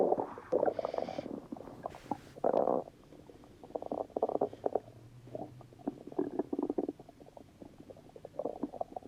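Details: Stomach rumbling; borborygmi.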